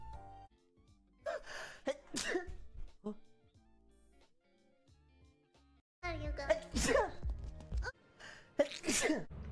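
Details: Several sharp sneeze bursts from a VTuber, each with a quick intake, over faint background music and game sounds during a game stream: sneezing.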